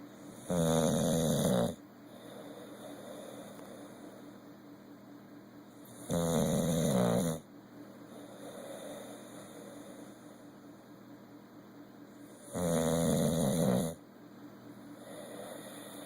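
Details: Bulldog sleeping, three loud rattling snores about six seconds apart, roughly ten breaths a minute, with quiet breathing between: snoring.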